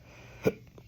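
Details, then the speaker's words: Adult with persistent hiccups since Wednesday, evolving into double then multiple hiccups per episode: single short, sharp hiccup in a quiet room. "hiccup started just like normal hiccups like you used to where you hear the hiccup and uh 24 hours in it changed to like a double hiccup almost falling my heartbeat"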